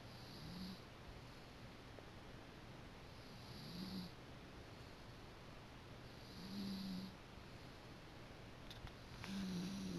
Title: My Dog Snoring